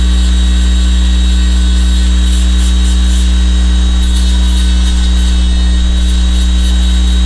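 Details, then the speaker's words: Low-speed handpiece with a long-shank round bur relieving the inside of a temporary crown by 0.5–1 mm, sparing the margin: loud, steady low motor hum with faint grinding. "Depois desse procedimento, nós vamos utilizar de uma broca esférica de haste longa em baixa rotação e vamos promover um alívio interno dessa coroa temporária sem cortar a margem, que já copiou a linha de término, mesmo que ainda não esteja precisa, mas o que copiou não é removido, ele permanec"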